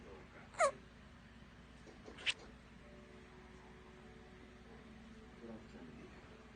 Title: little man got the hiccups in his sleep😴